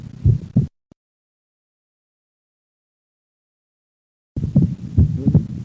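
Low stethoscope heart sounds with a split second sound, from right bundle branch block delaying right ventricular closure.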